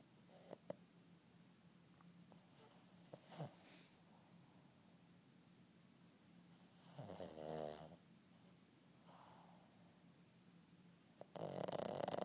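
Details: 8-month-old Boston terrier puppy snoring during a nap: a few soft snorts and one louder rattling snore in a quiet room.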